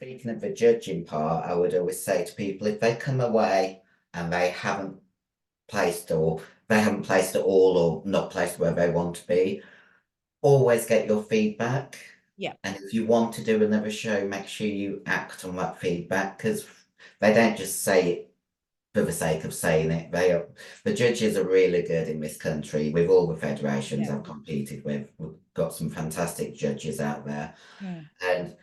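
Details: Adult female bodybuilder with androgen-induced voice deepening (virilization) after large doses of male steroids (performance-enhancing drugs). Her voice was formerly high-pitched and is now very deep, and she can no longer sing. She also has chronic kidney disease and past liver damage.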